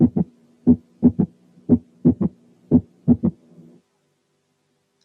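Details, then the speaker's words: Third heart sound, heard with the bell under light pressure at the apex (left ventricle) or tricuspid area (right ventricle): slow regular heartbeat with a soft extra sound after S2. "ده ما بيتسمعش عادة إلا بالكون بضغط خفيف، ولما تكون السماعة إما على الإيبكس وفي الحالة دي بيكون جينيريتد في الليفت فنتركل، أو على الترايكاسبيد اريا وفي الحالة دي بيكون جينيريتد في الرايت فنتركل. تعالوا كده نسمع حالة فيها ثيرد هارت ساوند."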